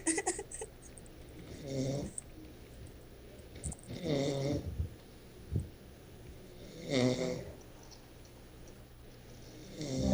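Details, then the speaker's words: Irregular rattling snoring, roughly twenty a minute, over a low steady room hum; likened to a pig. Ordinary snoring. "Ele parece um porco."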